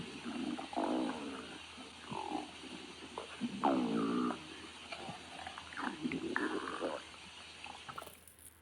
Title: snowy stomach growling